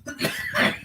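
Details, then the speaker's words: Adult coughing while talking in a small room; others had complained about the coughing. A single short, harsh cough. "Y'all motherfuckers want to talk shit about me coughing, then y'all motherfuckers can hear it."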